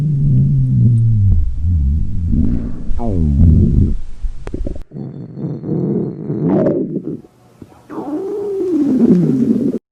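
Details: Girls in a movie theater, recreated from memory: long, low gurgling and rumbling with rising and falling squeaky tones; hunger stomach growling.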